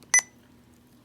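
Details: Sapphire IV infusion pump touchscreen: a single short, high electronic keypress beep in a quiet room during infusion setup, while rate and remaining bag volume are entered.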